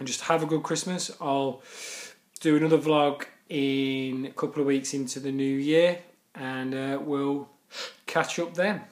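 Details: Stuttering in a male speaker who stammers.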